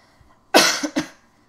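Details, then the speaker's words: Cough from a person whose throat feels strange and raspy. "sorry about that um my throat's a little bit strange I don't know why it's kind of raspy"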